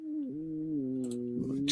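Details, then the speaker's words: Adult's stomach rumbling after eating dinner quickly: a drawn-out, tonal, groaning rumble with a pitch glide. "you hear my stomach? Jesus. So, just because I wolfed my dinner down before I went live."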